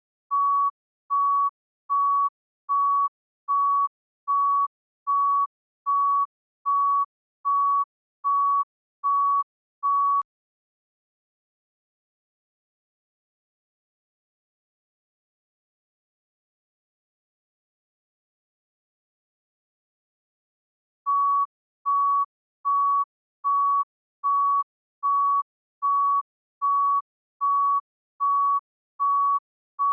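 Steady monitor beeps at about 76 a minute, pausing for ten seconds before resuming at the same pace.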